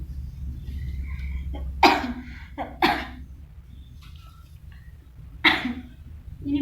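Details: Three forceful, deliberate coughs in a quiet room: an acted nursing demonstration of effective coughing and deep breathing to clear sputum, with a seated woman given warm water first; effective cough technique.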